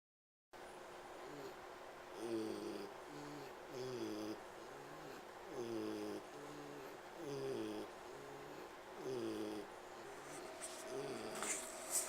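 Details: Pig named Bogey wheezing while trying to sleep: noisy breathing with whistling, snore-like tones on each breath, about 35 a minute.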